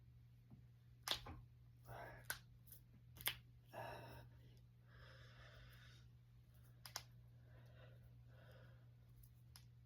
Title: Cracking my fingers and knuckles.